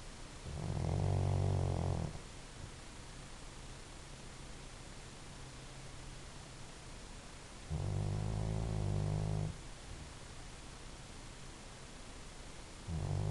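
Loud, low, fluttering snores, about three in thirteen seconds with steady hiss between, from a sleeping dog.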